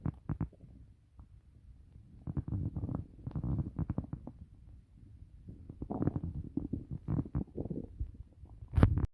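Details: Irregular low gurgling and rumbling bursts with short bubbly runs; very loud stomach growling (borborygmi), a normal bowel sound.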